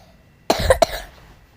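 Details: Two short, sharp cough bursts in quick succession from a child coughing repeatedly while playing Roblox, with faint room noise.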